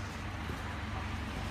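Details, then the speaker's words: Home oxygen concentrator turned to maximum flow, with about 5 m of tubing attached; the sound of air flowing out; oxygen concentrator airflow. "ผมดันไว้เปิดสูงสุดครับอ่าปีลองฟังเสียงดูเนาะมันก็จะมีเสียงลมออก"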